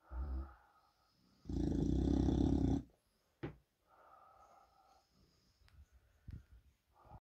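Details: English Bulldog snoring with eyes open in a small indoor room: loud, rough, rattling snore bursts with quieter snorting breaths between them.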